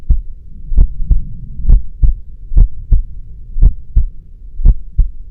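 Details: Steady paired lub-dub beats at about 58 a minute over a low hum; a regular, normal heartbeat.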